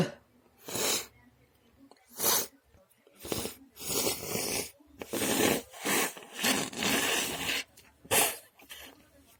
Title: Messy sneezes 🤧